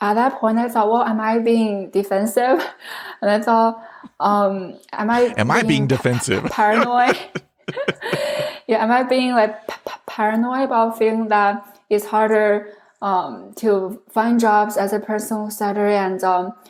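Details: adult woman who stutters, originally from China; many word repetitions; stuttering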